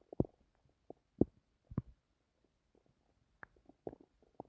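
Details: Stomach noises recorded while trying to sleep: quiet, irregular gurgles and squeaks from the belly; ordinary stomach growling, bowel sounds.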